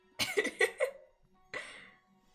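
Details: A run of four quick coughs then one more, with soft background music, from a streamer sick with covid who says she is feeling better but still clearly sick.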